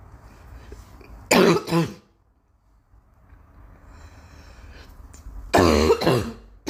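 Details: Girl coughing: two bursts of coughing, each of two or three quick, harsh coughs, separated by a quiet pause; cough.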